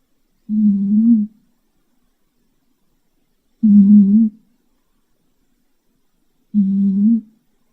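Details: Pet cat snoring loudly: three smooth, low, humming, tonal moaning breath sounds about 20 a minute in a quiet room; snoring.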